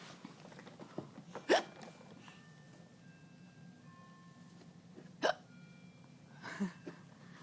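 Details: Three sharp, abrupt hiccups several seconds apart against a quiet background with faint tones; hiccups.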